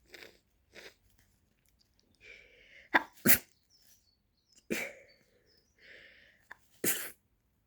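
Several sharp, explosive sneezes follow one another, some preceded by a short intake of breath, forming a run of sneezes typical of an allergy attack.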